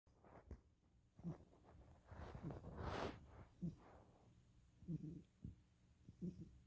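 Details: A cat breathes with faint, low musical squeaks on several breaths, a wheeze from narrowed airways; wheezing.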